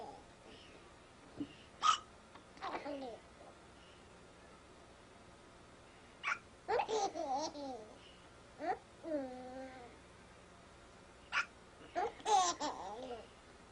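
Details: Eight-month-old baby with hiccups: short, abrupt hiccup catches mixed with babbling and laughter in a quiet room; infant hiccups.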